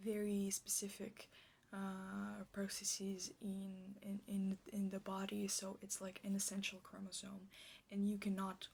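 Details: Stuttering with whole-word repetitions in a woman, in an ASMR clip presented as a stuttering roleplay; she states she stutters like this in real life.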